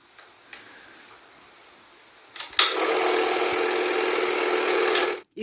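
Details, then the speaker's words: Nebulizer compressor running, a sound used to fall asleep: after a quiet start, a loud steady motor buzz with a fast rattling pulse switches on and runs until cut off. "no sé por qué pero desde pequeño los sonidos en un nebulizador o sea ya me hacían dormir"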